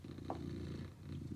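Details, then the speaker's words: Female cat sleeping deeply on a wooden floor, snoring extremely loudly, heard from another room: a loud, continuous low rumbling snore much like heavy purring. "C'est juste mon chat qui ronfle, oui j'ai un chat qui ronfle très fort. Je sais pas pourquoi, mais elle ronfle extrêmement fort."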